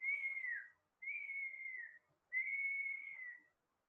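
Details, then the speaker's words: Lecturer imitating the wheeze of bronchial asthma: three sustained high-pitched whistling tones, each under a second, a dry whistling rhonchus of narrowed airways. "Bronchial asthma. Bronchial asthma, whistling sound. Chitti sarkha awaz. It's a type of dry sound."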